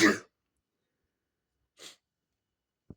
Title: Big Sneeze and Nose Sniffing Part 3